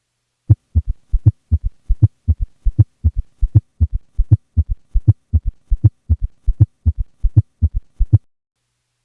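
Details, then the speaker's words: Same patient with both S3 and S4, heart rate about 80 a minute; extra low thuds around the main sounds: S3 and S4 gallop. "Finally, here he is at a rate of 120. At this point, the extra sounds in diastole have fused, and it is no longer possible to distinguish one from the other, or even be sure how many sounds exist."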